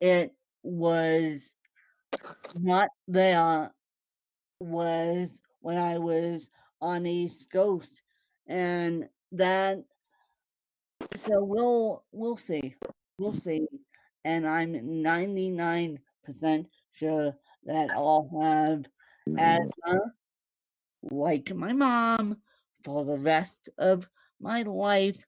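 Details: Woman born with cerebral palsy, with no speech disorder named: dysarthric speech in cerebral palsy.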